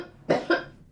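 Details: Two quick, harsh cough bursts from an adult woman with whooping cough (pertussis) confirmed by blood test after a 3-month persistent cough; no whoop heard in this snippet.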